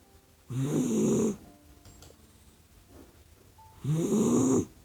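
Two slow, rattling, human-like snores about three seconds apart, with quiet breathing between: a sleeping puppy snoring.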